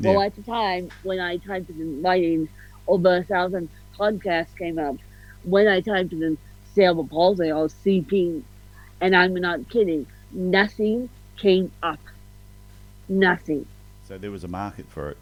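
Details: Adult woman with cerebral palsy, officially diagnosed at 31 as ataxic (ataxic-spastic, 'mixed') cerebral palsy, with a slight speech impediment. Ataxic dysarthria.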